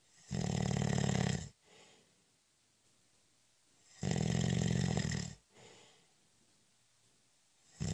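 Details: Loud, deep, rattling snores during a short daytime nap, on each breath in about every 4 seconds, with a soft breath out between them.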